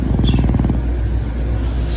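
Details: Low rumbling, fluttering snore with a rapid vibrating quality through one breath, from a sleeping dog; snoring.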